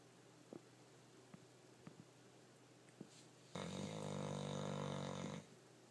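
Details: Snoring during sleep, described as sounding like a person: quiet room with a few soft clicks, then one long, rumbling, vibrating snore of about two seconds.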